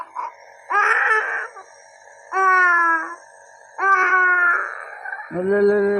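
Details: Young child crying during home nebulizer treatment with a face mask: long, strained wails with pauses for breath over the steady hum of the nebulizer machine.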